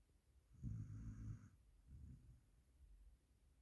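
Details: Low rumbling snore on one breath, then a softer second breath, from an Indian mixed-breed dog; snoring.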